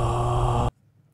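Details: Sustained vowel 'ah' from a dysphonic voice; high RAP and APQ, low CPP of 1.39 dB, high CPP SD; dysphonia.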